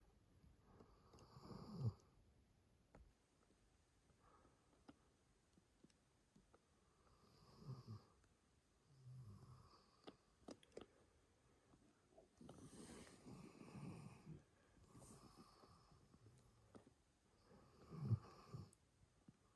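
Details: Soft, low snoring rumbles every few seconds, with sniffs and small snorts between them, from a sleeping Labrador or Dalmatian in a quiet room; dog snoring.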